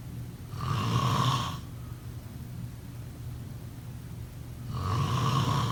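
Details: Two low, rumbling snores on breathing in, separated by a quiet pause, with steady room hiss; snoring during sleep.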